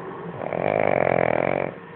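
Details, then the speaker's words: Sleeping pet dog snoring: one drawn-out, rattling snore that swells and fades. "duérmete que los ronquidos se van a escuchar en toda la casa aquí no duerme ni el tato Gracias este perrito que tiene unos ronquidos que parece un osito"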